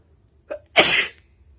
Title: explosive wet sneezes!